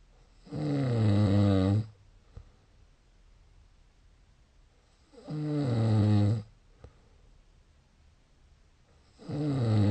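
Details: Loud, rumbling snores recurring roughly every four seconds with quiet pauses between breaths; snoring.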